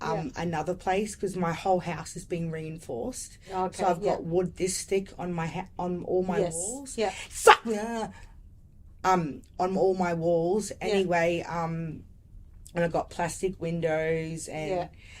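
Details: Vocal tic with coprolalia in an adult woman with lifelong severe Tourette syndrome.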